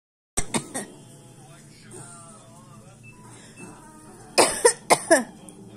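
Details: Child imitating coughing: two short, sharp coughs, a quiet pause with faint background sounds, then four more forceful coughs; imitated, not a real cough.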